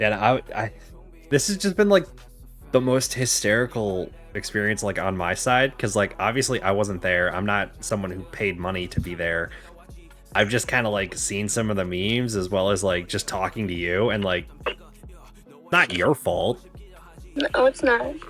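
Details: Adult male speaker; normal voice.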